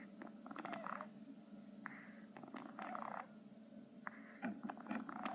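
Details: A hedgehog found in a bush in the daytime and taken indoors makes soft, squeaky snuffling bursts about every second; hedgehog snoring.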